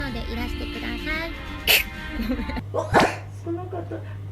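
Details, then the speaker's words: Japanese girl on a livestream says she is sneezing a lot today and can't stop; two sharp sneeze bursts with a quick inhaled catch, over background music and room noise. "ごめん、今日めちゃめちゃやばい、めっちゃくしゃみ出る。マジでごめん、今日本当にくしゃみが止まらない日だ。なんだろう、急にくしゃみ出る。"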